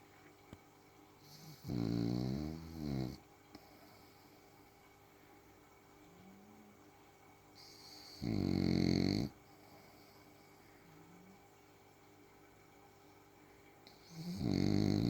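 Three loud, rattling inhaled snores about six seconds apart, with quiet breathing between; snoring in a sleeping dog.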